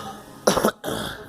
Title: Girl coughing